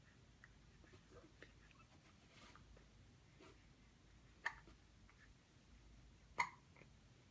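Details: Baby girl aged 1 month 11 days with two sharp, abrupt catches of breath about two seconds apart in a quiet room; infant hiccups.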